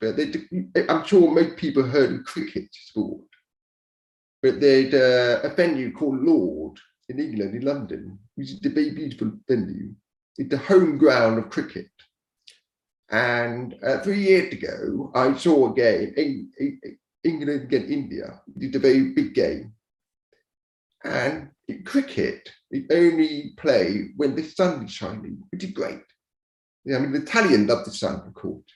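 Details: Adult man born deaf who learned to speak rather than sign, now using a cochlear implant after years of hearing aids; he says his speech is not perfect and automatic captions sometimes mishear it; deaf speech.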